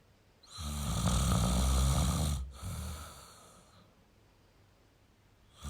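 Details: Adult male snoring: one long, deep rumbling snore on the in-breath, then a softer breath out.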